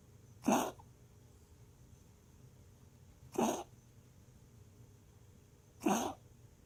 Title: Bruiser coughing while resting.